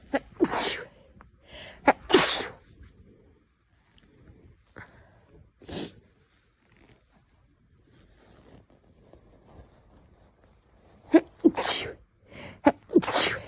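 Several sharp sneezes, each with a brief in-breath before it: two near the start and two more near the end, with quiet in between.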